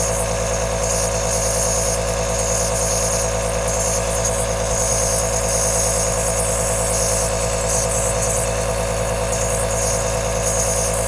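Loud, steady mechanical hum and buzz with a hissing edge from an aerosol nebuliser running continuously.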